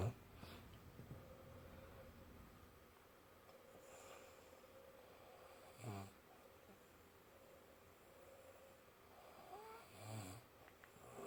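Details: Quiet low rattling breaths with two louder snorting snores about four seconds apart over room noise, recorded around 2 o'clock; snoring.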